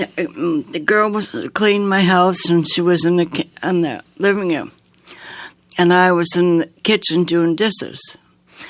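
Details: Woman with aphasia after an aneurysm, a heart attack and two strokes in 2012 at age 54, with right-sided paralysis; she relearned speech over nine months with a speech-language pathologist, sings more easily than she talks, and is worse when tired; aphasia.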